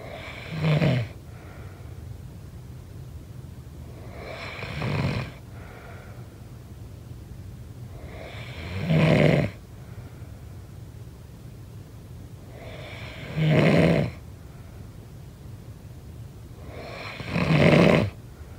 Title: SNORING SOUND